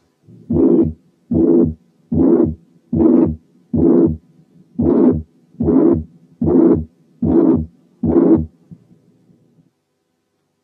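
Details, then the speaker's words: Mitral regurgitation: blowing pansystolic murmur starting with and merging into the first sound, even loudness throughout, filling systole to the second sound; regular, about 74/min. "أولا تكون مبتدية من الفيرست ساوند لدرجة إن الفيرست ساوند بيبقى جزء من الميرمر ويمكن يكون مش واضح يعني مفروض. ثانيا ان الانتنسيتي بتاعتها واحده لا تتغير من الاول للاخر."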